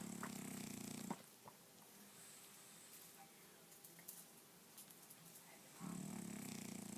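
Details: Sleeping French bulldog snoring: loud rattling snores on each breath in, with quiet pauses between them.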